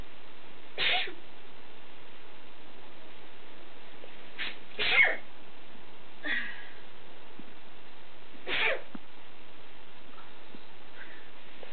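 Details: Person with photic sneezing (sneezes on looking at bright light), filmed for an allergy-commercial audition; about five short, soft sneezes over several seconds.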